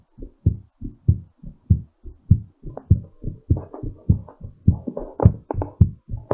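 Fast, strong, regular thumping heartbeat at about 100 beats a minute, as in recovery after exercise.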